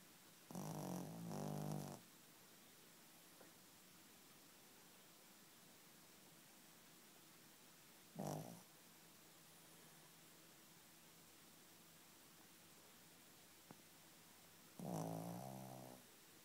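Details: Female dog snoring, sprawled on the bed at night, tired after an afternoon bath: soft, fluttering snores, three in about sixteen seconds, with quiet between.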